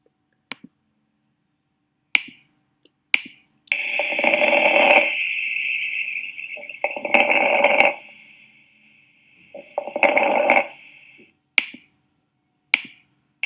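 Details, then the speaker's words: Teaching example of lung auscultation: fine crackling during each breath, like stepping on dry leaves, crackles from fluid in the alveoli, compared with normal breathing. "Dese en cuenta que la literatura, ¿cómo lo describe? Como si ustedes estuvieran pisando hojas secas. Sí. Y es porque cuando llega el el aire a nivel de los alveolos tenemos presencia de líquido."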